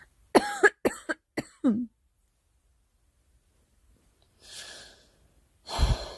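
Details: A burst of five quick coughs, then quiet breaths in, from a girl coughing.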